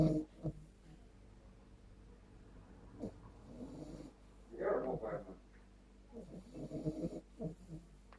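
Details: Female Staffy puppy, sleeping: soft, low, irregular snuffling snores and snorts; owner asks if this is normal, as it sounds like an old man's snore.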